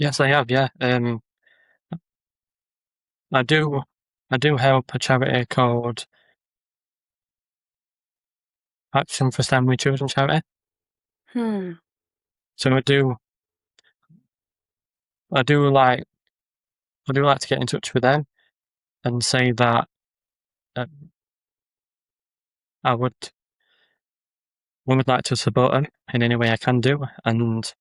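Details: Adult man with a stammer who makes social media videos of ordering and talking to people to build confidence; word and phrase repetitions and pauses; stuttering.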